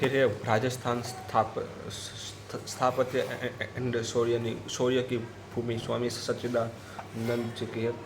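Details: Stuttering with part-word and word repetitions in a speaker on day 84 of daily self-practice to control their stutter, during a storytelling exercise.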